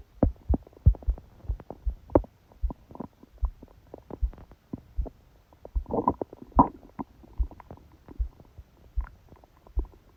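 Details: Own abdomen recorded during sleep with a phone fixed on the belly by a book: irregular low gurgles, clicks and short rumbling bursts, with a few louder churning gurgles midway; active bowel sounds (stomach growling, borborygmi).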